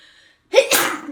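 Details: A brief voiced intake of breath, then one sharp, explosive burst of air through the nose and mouth: a single sneeze.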